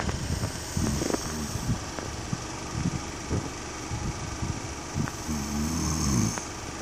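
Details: An adult man (a husband) asleep: deep, rough, rattling breathing sounds repeating over a noisy room background; snoring.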